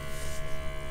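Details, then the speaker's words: Steady low electric hum and buzz of a SoClean 2 CPAP sanitizer pump running in manual mode, circulating ozone through CPAP equipment in a demonstration. "otherwise every morning you can just hit manual and by pressing the manual button it'll just run the soclean itself"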